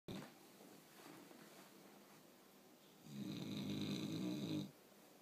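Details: Loud snoring from a person sleeping beside the recorder, likened to a jet plane and lasting all night.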